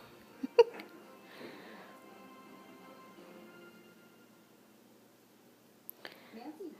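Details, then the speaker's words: Baby with hiccups: two brief, abrupt hiccup sounds, one near the start and one near the end, over faint music and room noise. "growing in there. Poor baby's got hiccups."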